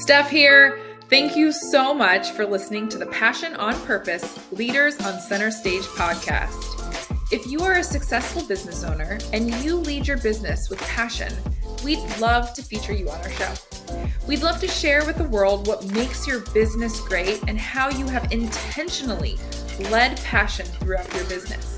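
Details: Adult woman speaking; typical speech.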